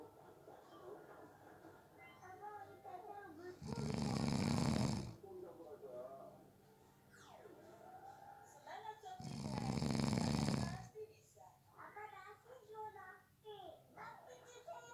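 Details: Snoring during a nap, from someone said to have fallen asleep within 30 seconds: two long, loud, rattling snores about six seconds apart, with faint talk and room noise in the background.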